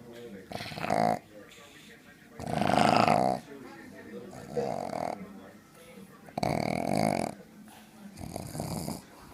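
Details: Max, a pug, asleep: loud rattling snorts on each breath, about six in nine seconds, with quieter whistling between; heavy snoring from a flat-faced dog.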